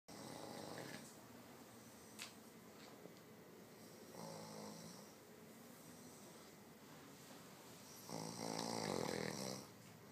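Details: Dog deeply asleep: rough, rattling snores on three breaths, about 18 breaths a minute, over steady room noise; snoring.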